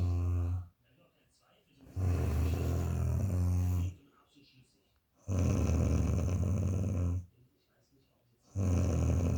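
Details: Sleeping adult woman: loud, deep, rattling snores in long breaths with quiet gaps, about four in nine seconds; heavy snoring.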